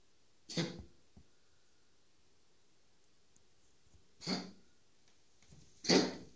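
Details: Red tabby cat Burli coughing for over a minute, owner unsure whether hairball or feline asthma attack: three short, harsh, explosive coughs separated by quiet pauses in a small room.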